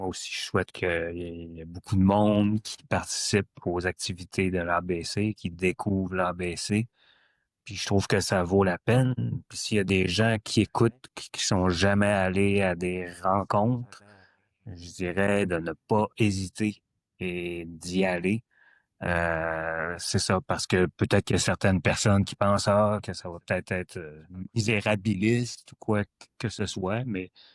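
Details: Adult who stutters; stuttering.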